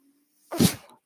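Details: A podcaster's own mechanical ventilator, recorded while he speaks: faint hum, then a short airy whoosh with a soft thump, one delivered breath.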